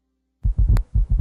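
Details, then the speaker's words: Low, dull heart sounds in a three-beat "Tennessee" galloping rhythm, a soft low-pitched extra sound late in diastole just before S1: an S4 gallop, more common in older adults. "s4 results from vibration of the valves papillae and ventricular walls later in diastole because this low pitched sound occurs just before s1 it produces a galloping rhythm as in the word Tennessee"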